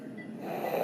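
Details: Young girl with croup, heard about an hour after treatment with epinephrine and steroid; likely to be admitted. A brief harsh, slightly snoring-like noisy breath consistent with stridor.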